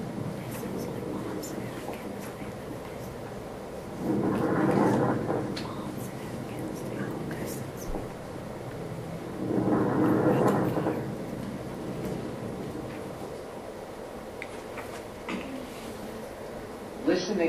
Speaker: Listen to low pitched crackles. Can you hear him breathing in and out? Crackles are due to the sudden opening of very small airways.